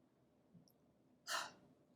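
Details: Huff at low lung volume during airway clearance, part of the active cycle of breathing techniques: after a faint small breath in, a single short, breathy, open-mouthed forced exhalation using the stomach muscles to move secretions up for coughing.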